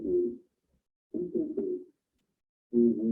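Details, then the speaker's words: Muffled spoken word "33" transmitted through the chest wall with recognizable word shape on voice auscultation: pectoriloquy. "Entonces, como pudieron escuchar aquí en la pectoriliquia, cuando se puede observar y escuchar lo que es en la palabra 33."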